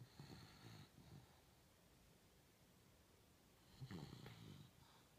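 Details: Two low, rough, fluttering snore sounds separated by a quiet pause, from a sleeping Beagle in a quiet room; snoring.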